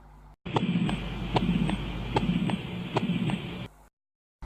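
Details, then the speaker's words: Tricuspid insufficiency heard through a stethoscope: a regular heartbeat near 75 a minute with a steady whooshing regurgitant murmur filling the gaps between beats. "यदि patient tricuspid insufficiency से सफ़र कर रहा है तो स्टेथोस्कोप से जो है इस प्रकार का साउंड सुनाई पड़ेगा।"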